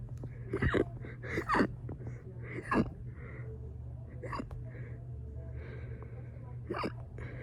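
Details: Short, abrupt voiced hiccup gasps recurring every second or so over a low steady hum; fast hiccups induced by burping.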